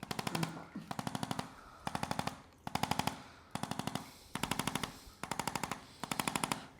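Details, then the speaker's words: About eight short runs of sharp mechanical taps from a handheld Arthrostim percussive adjusting instrument, described as painless, treating a cashier with neck and low-back tension, headaches and weakness from sixth cervical down, under infrared light. "मैं अपना अद्भुत आर्थोस्टिम लेता हूं, यह बस थोड़ा सा टकराव है, इससे बिल्कुल भी दर्द नहीं होता है, चिंता न करें।"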